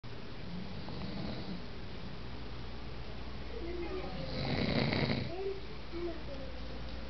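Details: Adult man (father) sleeping: low rumbling snore building to a louder rattling breath over steady background hiss; snoring.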